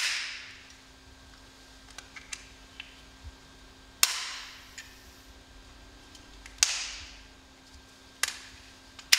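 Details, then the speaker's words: Respimat soft mist inhaler priming before first use, whole process repeated three more times; sharp clicks and short hissing bursts as it is turned, opened and fired. "Afin d'être sûr que l'inhalateur soit prêt à l'emploi, répétez tout le processus encore 3 fois."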